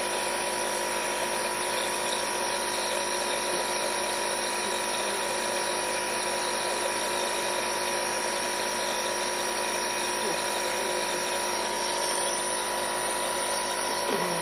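Steady mechanical whir and hum of a small compressor running throughout, typical of a nebulizer machine.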